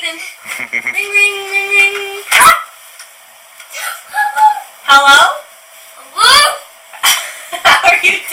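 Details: Echolalia in a young boy who echoes what he hears, using the same prosody and intonation as the adult speaking to him.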